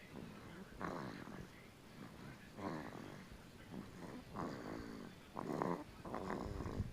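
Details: Snoring in a 2-month-old infant boy asleep: soft, irregular snuffly snorting with quick breaths, about six in seven seconds; noisy nasal breathing and light snoring.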